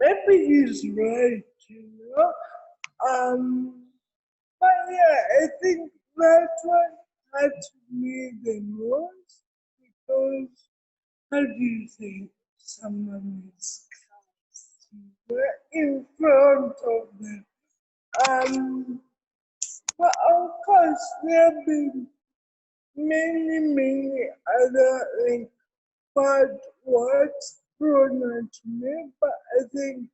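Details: Adult woman with cerebral palsy present since birth, given extra time in an interview so she can be heard clearly; dysarthria (cerebral palsy).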